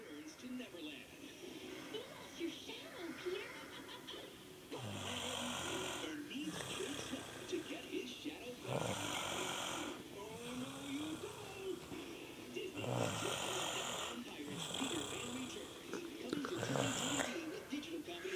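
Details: Person snoring during sleep while staying over; repeated rough, rattling breaths with background talk. Snoring.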